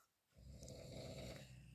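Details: Man snoring at night while asleep: brief quiet, then loud, low, rough rumbling breaths continuing to the end, growing louder.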